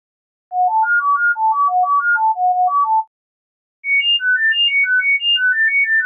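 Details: Acoustic coordinated reset (CR) neuromodulation tinnitus therapy tones: rapid pure beeps in shuffled four-note patterns, a lower set then a higher set after a pause; samples span 1000–10,000 Hz at 1000 Hz intervals, 10 seconds each.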